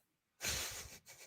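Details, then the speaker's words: After a moment of quiet, an adult gives one sudden, forceful, hissing sneeze with a brief trailing breath during a sports podcast. "the sneeze. No, the sneeze doesn't sound funny."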